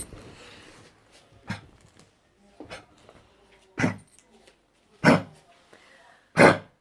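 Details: Dog with canine influenza: five harsh, forceful coughs about a second apart, growing louder, as the owner asks what is wrong.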